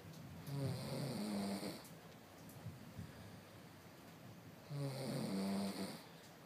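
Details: Sleeping baby snoring: two soft, low snoring breaths about four seconds apart, with faint room noise.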